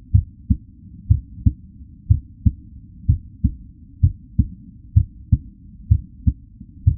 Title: 🎧 Heartbeat, pulse, normal rate, real sound - 02, SOUND EFFECT